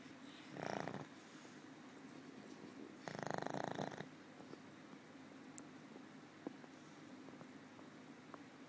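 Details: Snoring in an old female pug that sleeps most of the time and snores habitually: two loud, rattling snores about two seconds apart, then quieter breathing with small snuffles.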